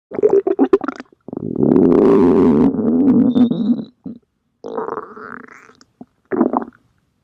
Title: My human self stomach growling